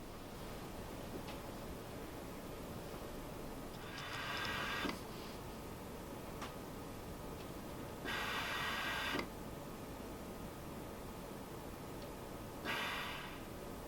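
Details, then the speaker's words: Mindray SV800 ventilator with humidified circuit (Fisher & Paykel 950) during flow sensor calibration from the menu, a roughly four-minute noisy check: steady mechanical hum with three loud rushing air bursts about every four seconds. "so you're going into menu flow calibration and hitting start there that's your first check to marry up the flow sensor with the ventilator and it takes about four minutes and is quite noisy"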